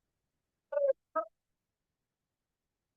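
Brief high-pitched, crowing tonal noises on breathing out, separated by quiet pauses: expiratory stridor in an infant.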